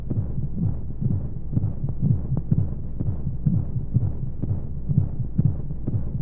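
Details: Baby sleep aid womb sound: steady muffled low heartbeat thumps at about 125 per minute under a soft whooshing white-noise hum, as heard from inside the womb.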